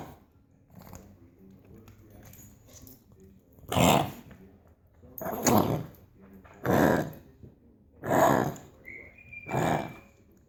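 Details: A dog coughing and gagging: softer throat and snuffling noises, then five harsh, forceful coughing or hacking bursts.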